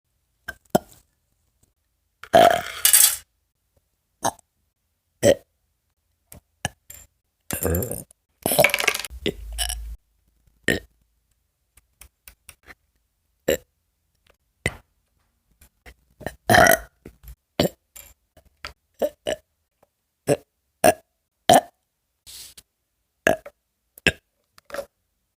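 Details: Repeated burps from an adult, several long and loud among many short ones, an ordinary release of swallowed air.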